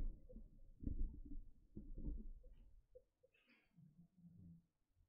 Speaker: zelda sweetie you're snoring so loudly that it sounds like a trombone is playing is that getting picked up she's like hitting a deep bass c note